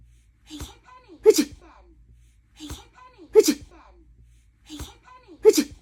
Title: Mum fake sneeze 😂 #adorable #cute #cutebaby